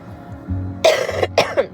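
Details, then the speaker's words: Person who says they are a little sick coughs. "I'm a little sick you can hear it in my in my cough"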